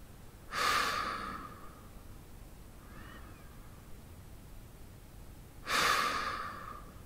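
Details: Deep, relaxed breathing of a sleeping adult man from a sound-effect recording: two slow, airy exhalations about five seconds apart in a quiet room; normal breathing during sleep.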